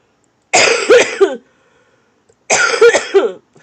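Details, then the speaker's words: Two separate harsh coughing bouts from an adult who says she has a crazy cough, each with several rapid bursts, in a quiet room during a live stream; cough. "sound a little bit better, [cough] but I got this crazy cough."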